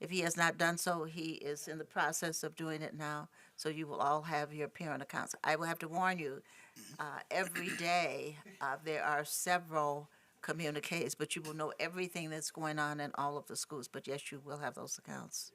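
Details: Adult woman speaking; Normal voice.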